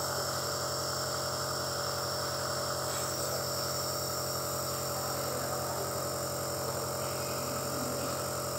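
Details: Nebulizer compressor running continuously for nasal treatment during COVID-19 illness, to clear nasal blockage: steady loud mechanical hum and buzz with rapid rattle.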